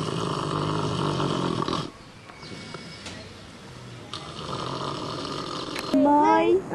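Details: Sleeping pig snoring: a rough, rattling snore with noisy breathing sounds, then a brief high squeal near the end.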